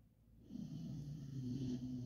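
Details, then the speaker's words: A sleeping pet bulldog kept indoors on a cold day gives a low, rumbling, fluttering snore on one drawn-in breath: snoring. "donc si vous entendez ronfler je vous laisse"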